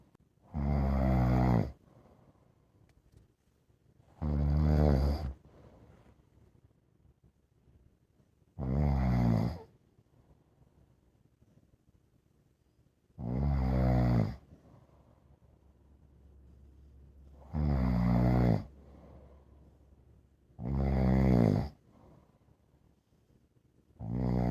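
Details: A dog snores steadily, about 14 rumbling breaths a minute, with quiet pauses between them.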